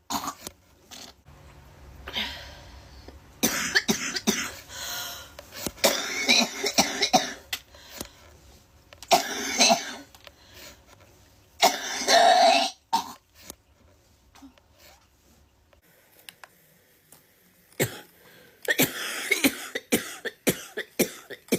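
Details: A compilation of separate coughing bursts and throat clears from different recordings, with brief gaps and light room noise.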